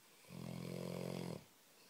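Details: A sleeping Labrador dog, described as a very heavy snorer, gives a single low, rattling, buzzing snore lasting about a second in a quiet room; snoring.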